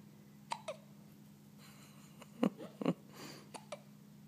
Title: Hiccups.